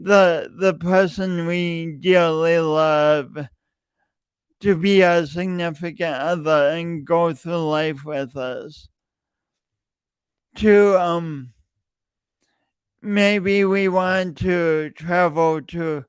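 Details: Real, self-reported speech impediment in an adult male, present for years and heard whenever he speaks; stuttering (speech disfluency).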